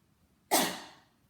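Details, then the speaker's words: Physiotherapy demonstration of a self-assisted cough using counter-rotation, the person throwing themselves forward and down to the side while coughing: one sharp, forceful cough that fades quickly. "throw themselves forward and down to the side those are all things that you can do by themselves"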